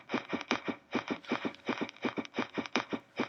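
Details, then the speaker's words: Dog heart auscultation: fast paired heart sounds around 140 to 150 beats a minute, with a supposed extra beat (extrasystole) followed by a persistent accelerated rhythm; extrasystole with tachycardia. "después de ese latido extra de esa extrasístoles supuesta que no solamente escuchamos el latido suelto sino que hubo una taquicardia un ritmo sea acelerada persistente"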